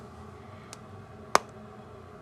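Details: A faint click, then one sharp crack in a quiet room as a wrist is deliberately popped; joint cracking (cavitation).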